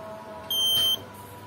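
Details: Pulse monitor beep from a student-built microcontroller heart rate monitor with Bluetooth and a fingertip sensor: one brief, high, steady electronic beep for each detected heartbeat, over faint room noise.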